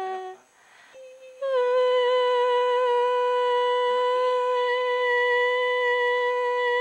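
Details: Female speaker with a normal larynx producing normal voice, filmed by laryngoscopy as the vocal cords vibrate; normal female voice.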